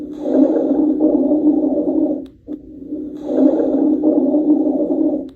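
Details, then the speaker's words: Rhonchi: low-pitched, deep, rumbling continuous lung sounds through two long breaths, often clearing with coughing. "ronai think of a rhino they make low pitched deep sounds this one is continuous too but often clears with coughing"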